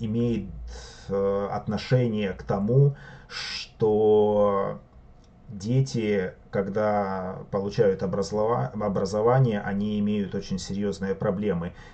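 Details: Adult male who stutters, reading unprepared from a sheet and expecting to stutter somewhat; stuttering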